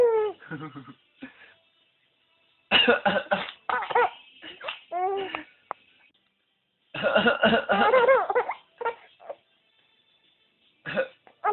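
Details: Father's deliberate, playful voluntary coughing bursts answered by laughter from his 5-month-old baby; harmless voluntary coughs.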